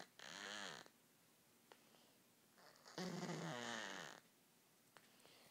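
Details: Scamper, a cat with no ears, snoring while asleep: two loud rattling snores on inward breaths, quiet breathing between them.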